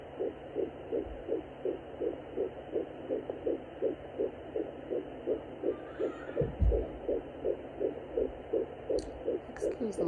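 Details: Fetal heartbeat at 10 weeks of pregnancy on a home fetal Doppler: rapid, regular whooshing pulses at about 165 per minute, found after earlier failed attempts.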